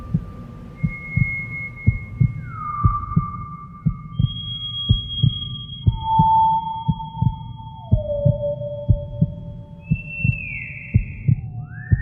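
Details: Simulated heartbeat, a horror sound effect: steady low thumping beat, increasing, under eerie sliding tones and a hum. Not a real recording.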